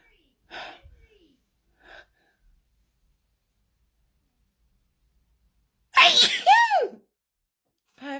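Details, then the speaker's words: Paroxysmal sneezing fit of unknown cause (sometimes cleaning products, powder): soft catching breaths, then a loud voiced sneeze with a trailing cry, another beginning, part of a long run; sneezing sometimes leaves her tired. "I don't know what it is that's making me sneeze tonight. Sometimes I just sneeze."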